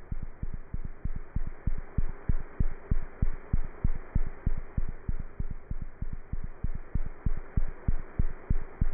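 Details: Cat's heart heard through a stethoscope: fast, steady, regular thumping with a constant soft background hiss; cat heart sounds.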